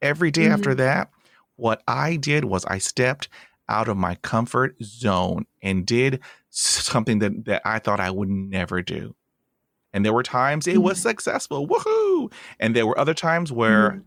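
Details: Stuttering in an adult host of a podcast by and for people who stutter.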